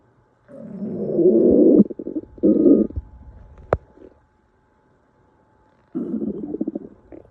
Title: stomach growl